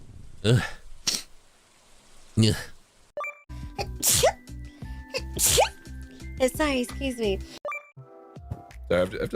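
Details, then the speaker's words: Sneezing compilation of streamers: several short explosive sneezes from different people, with background music and electronic tones between them. "Bless me. Bless me. I'm going to sneeze. I'm going to sneeze. Oh my god."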